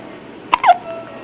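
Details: Newborn baby hiccup: a single sharp, abrupt hiccup with a brief voiced catch after it.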